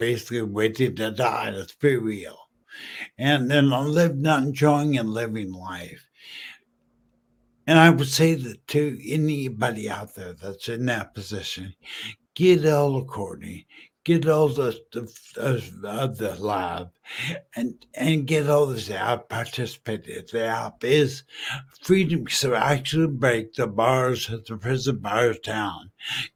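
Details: Male stroke survivor 14 years after a stroke from a brain aneurysm, totally mute at first, who uses slowing down and over-articulating as strategies; post-stroke dysarthria.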